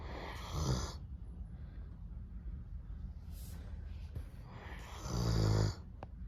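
Two loud, low rumbling snores a few seconds apart, with quiet breathing between them: ordinary snoring in a sleeping dog.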